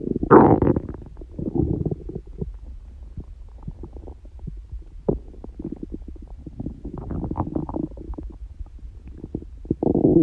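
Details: Adult's stomach growling without hunger or stomach pain: long low gurgling and rumbling with bubbly pops; ordinary bowel sounds (borborygmi).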